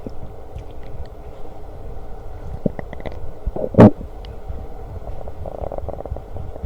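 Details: Borborygmi (stomach growling).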